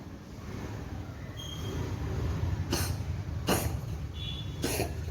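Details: Cat Duskyy, suddenly unwell with morning coughing, later recovered: three short, sharp cough bursts over about two seconds against a steady low background rumble.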